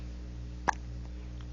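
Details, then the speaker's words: 1-month-old baby with a latching issue, hiccuping when tired and startled by them: a single brief, soft hiccup over a low background hum; ordinary infant hiccup. "got the hiccups, huh? Oh, whoa, whoa, whoa. Yeah, I know. It hurts. Hiccups hurt."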